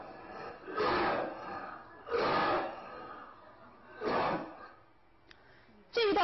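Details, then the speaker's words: Weak deficiency-type cough, demonstrated in a traditional Chinese medicine listening-diagnosis lecture: three soft, low, breathy coughs with audible strain and little force, then brief background talk. "所以虚咳无力，声低，我们能听出患者在非常费力的来咳。"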